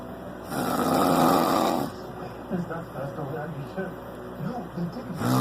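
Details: Snoring while falling asleep after getting drunk: one long, loud rattling snore, then quieter irregular breathing and the start of another; heavy snoring.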